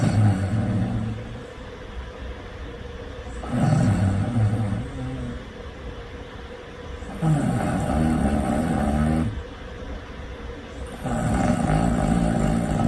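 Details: Loud snoring in deep sleep: rough, low rumbling snores about every 3.5 seconds, roughly 17 a minute, against steady room noise; heavy snoring.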